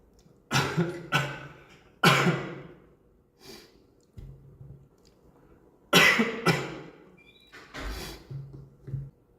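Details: Several short, harsh bursts of coughing and throat clearing with pauses between them, in a quiet room; an ordinary cough.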